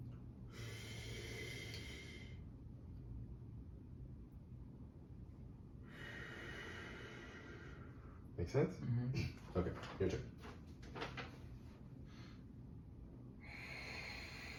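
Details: Simulated post-operative exercise demonstration on a volunteer: long hissing breaths through the mouthpiece separated by quiet pauses, with brief clicks and knocks of the device: incentive spirometer use.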